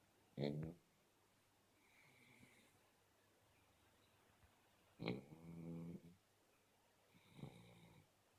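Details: Black Shar Pei puppy asleep: three rattling, buzzy breaths with soft whistly tones between them in a quiet room; puppy snoring.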